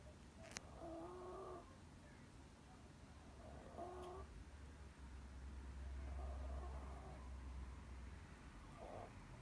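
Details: A sleeping cat gives soft, faint snoring breaths, about one every three seconds, over low room rumble; light snoring.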